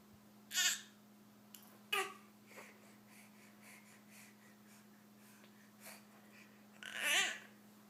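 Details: Pet getting over a cold fakes a few short, harsh coughs for attention, then produces a fuller real cough and keeps going; cough.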